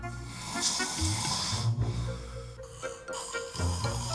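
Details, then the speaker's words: Loud, rough, low rattling snores in bursts, partly masked by music, from an adult man who has snored heavily for years (rated 8/10), sleeps about five hours and wakes unrefreshed; heavy snoring. "코를 심하게 곤지는 진짜 수년이 돼서 되게 오래 되고요 심하게 곤게 이게 그니까 소음의 정도가 10이라고 보면 제가 느끼기에는 8고 정도 되거든요"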